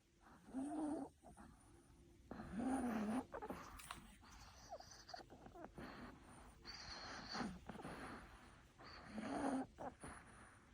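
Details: Wheezing in a dog with a cold and runny nose, heard at night: noisy, whistling breaths.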